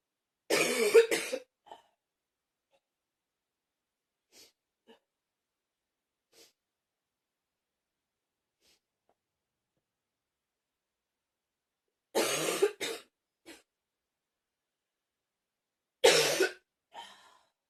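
Three coughing bouts, each a rapid burst of several harsh coughs, separated by long quiet gaps with faint breaths.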